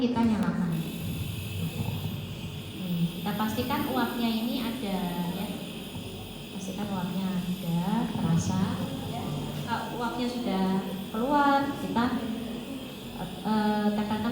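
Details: Nebulizer compressor running in a pediatric nursing lab demonstration, with mock salbutamol diluted in NaCl in the chamber: a steady loud mechanical hum and hiss, with a woman talking over it.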